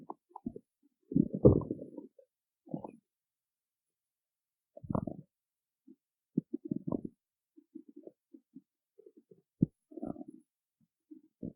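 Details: Irregular low gurgling rumbles, stomach growling said to be from hunger after not eating before a performance, in a quiet room.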